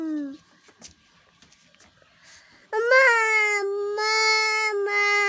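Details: A young child's loud, sustained wailing cry for his mother after a short whimper, with quiet room sounds between; child crying.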